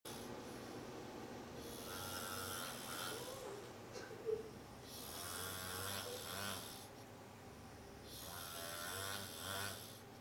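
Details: Snoring man: loud, rough snores roughly every three to four seconds with hissy breathing between, quiet room; typical snoring in sleep.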